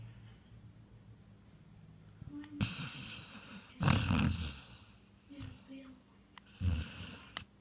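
Loud, harsh snorting snores in irregular bursts, with quieter breathing between; irregular snoring.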